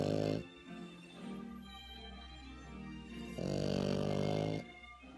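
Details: Snoring in a 5-month-old French bulldog puppy while sleeping: buzzing, nasal snores typical of a short-nosed breed; music plays in the background.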